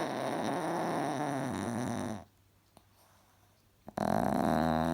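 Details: Cross-eyed chihuahua snoring: loud, rattling, buzzy snore on the breath, then a short quiet pause before the next snoring breath.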